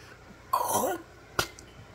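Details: Simulated hawking, an imitation while complaining about people spitting phlegm in parking lots: a harsh, rasping hawk drawing phlegm up from the throat, then a short spitting burst; throat clearing.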